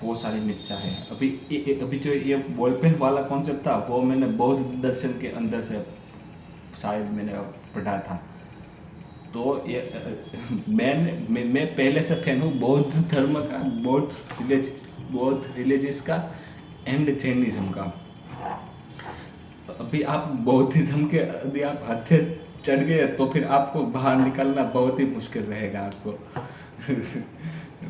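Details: Adult man who stammers, reading aloud in Hindi on day 6 of a daily stammering practice routine; repetitions and revisions are audible.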